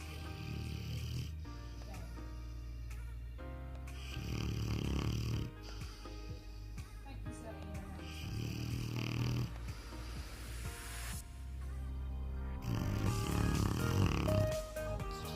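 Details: Presa Canario dog snoring loudly while asleep, still snoring as at 3 months old; deep, loud rumbling snores partly masked by background music.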